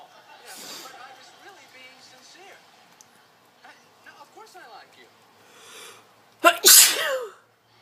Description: Epic sneeze attack and cute sneeze compilation in one short video!